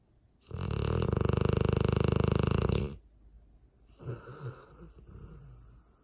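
A loud, rattling low snore lasting over two seconds, then a quieter snuffling breath: snoring in a sleeping dog.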